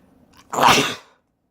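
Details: Person attempting to sneeze with eyes open: a single sharp, explosive sneeze after a short in-breath.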